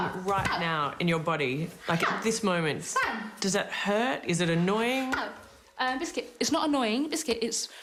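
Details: Adult interviewer, with brief interjected words; ordinary speech.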